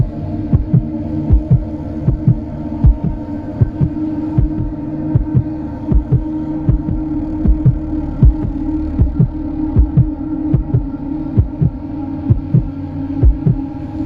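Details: Steady paired lub-dub heartbeat thumps at about 80 beats a minute over a constant low hum; sound-effect recording of a normal heartbeat for relaxation.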